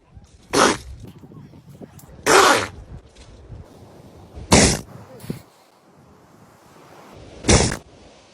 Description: This is a funny and at the same time cute video about animals and pets sneezing.